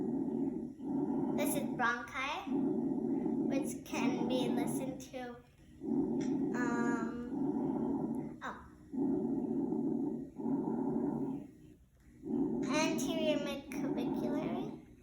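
Loud, hollow, blowing breath sounds at about 19 breaths a minute, with a brief gap between breathing in and breathing out, which are similar in length and loudness. These are bronchial breath sounds, a normal finding over the large airways at the upper front chest. A voice is faintly audible in the background.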